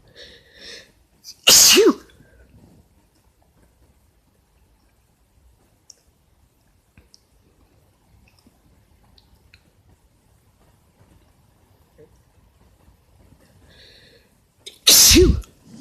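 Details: Male (boyfriend) sneezing, cause questioned as allergies or cold; two loud, sharp sneezes with a quiet gap, each preceded by a short intake of breath.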